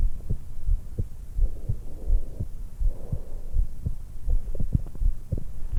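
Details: 20-year-old female just after waking, lying supine in bed, stethoscope microphone at the suprasternal notch: steady low heartbeats about 85/min with soft breath sounds between; normal heart sounds with breath sounds.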